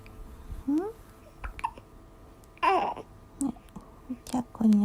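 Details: Hiccups in a 20-day-old baby after drinking milk, possibly too much: short, sharp hiccup sounds roughly every couple of seconds, with soft baby noises and a quiet adult voice.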